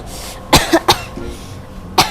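Four short, sharp, acted coughs in quick bursts over quiet room noise; a plain cough, performed for comedy.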